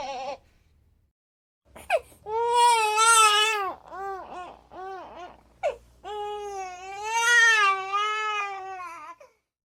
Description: Captures the natural whimpers and escalating cries of a real infant with crystal-clear audio quality.